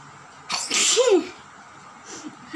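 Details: One sharp sneeze with a rising voiced 'choo' at the end, during a sneezing and nose-blowing challenge, over low room noise; sneeze.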